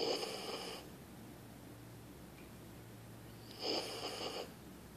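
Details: Small husky dog snoring loudly, louder than the owner's big dog; two noisy, rattling snores about three seconds apart against quiet room noise.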